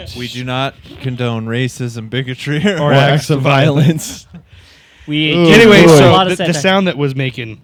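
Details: Adult man; typical adult male speech.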